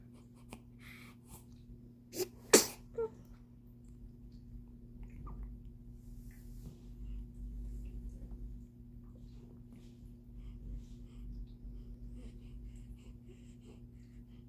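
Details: A single sneeze: a short inhaled catch, then one sharp, loud sneeze and quiet room hum.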